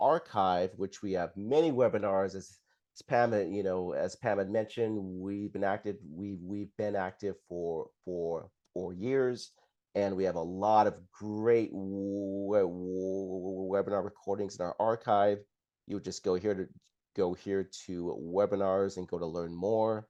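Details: Adult man who stutters, describing his own stuttering as blocks and repetitions, speaking in a live webinar; repeats words and phrases in this stretch; stuttering.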